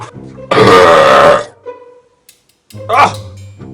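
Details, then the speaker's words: Adult man's deliberate loud burping in a world-record belch battle, with claimed records near 110 to 125 decibels: one long, loud, deep belch of about a second, then a shorter second belch, with music behind. "Well, I hear that some Australian guy thinks he's beaten my world record with a burp of 110 decibels."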